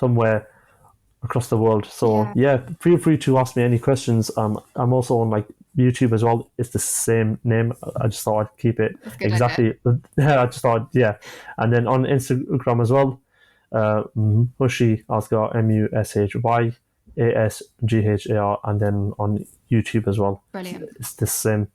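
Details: 25-year-old man who has stammered since childhood, speaking in a podcast conversation; stuttering (stammering).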